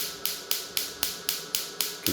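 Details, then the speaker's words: Chattanooga shockwave therapy device demonstrated in a clinic office, fired at the push of a button without gel: sharp, regular snapping clicks about four times a second as the wand fires repeated pulses. "and then you would just come here push the button you can hear it engaging the fan cuts on"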